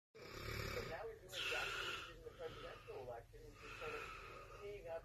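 Noisy, fluttering breaths with a whistling, rattling edge that run almost continuously for a few seconds. Snoring.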